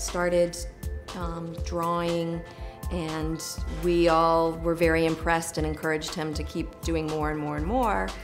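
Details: Adult woman speaking; normal speech.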